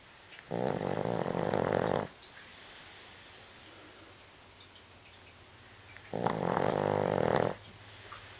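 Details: Dog named Judge snoring in sleep: two long, loud, buzzing snores with a whistling breath out between them, about seven breaths a minute; ordinary snoring.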